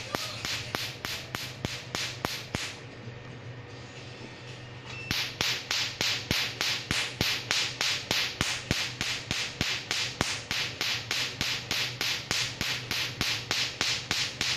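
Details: Tattoo removal laser in use at a Vietnamese tattoo studio, December 2019: steady sharp snapping pulses, about 200 a minute, with a short pause, as the laser fires.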